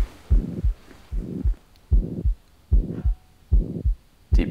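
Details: Regular heartbeat about 75 a minute with a rushing sound between beats: a mitral murmur, heard during an accentuation manoeuvre with the patient turned onto the left side.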